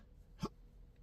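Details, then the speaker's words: A single short, sharp hiccup in a quiet room, from an adult with chronic intractable hiccups since December 2015 after a bad surgery outcome, not responding to any known treatments or medicines. "Now mind you, hiccups is a condition. People get hiccups."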